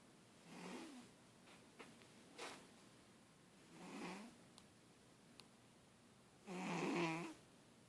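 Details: Pet cat snoring loudly.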